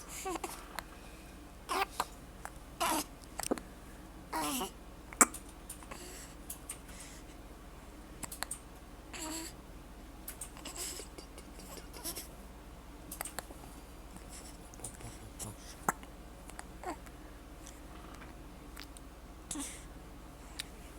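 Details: Infant girl with hiccups, upset by them: short, abrupt hiccup sounds recur through quiet fussing and whimpering in a small room.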